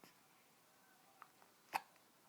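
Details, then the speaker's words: Baby girl with hiccups while trying to babble: one sharp, short hiccup with a faint catch before it, in a quiet room. "those hiccups are getting in the way huh that's okay oh it's okay yeah at least you're doing some talking huh"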